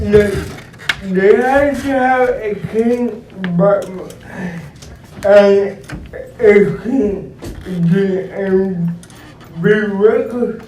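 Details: Dysarthric speech in an adult man described as physically challenged with a speech impediment, who uses a wheelchair and needs a personal care assistant; real speech.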